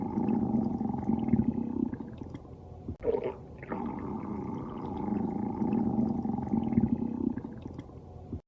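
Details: Long, low gurgling rumbles and moaning tones from the belly of a sleeping woman; ordinary stomach growling (borborygmi).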